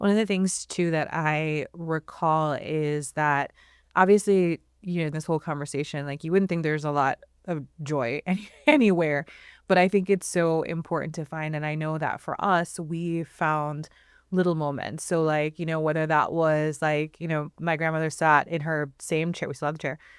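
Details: Adult woman speaking; normal speech.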